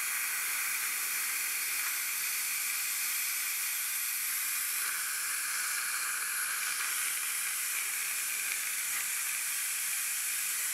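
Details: Steady high hiss and sizzle of water spray with faint whine from an ultrasonic scaler using body-temperature warmed water, cleaning tartar and plaque from cold-sensitive teeth.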